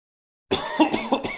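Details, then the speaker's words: Single short acted cough from an adult, a brief noisy burst after silence, in a staged skit about not covering the mouth when coughing. "я всего лишь кашлянул рот ты почему не прикрыл когда кашлял а чё такого"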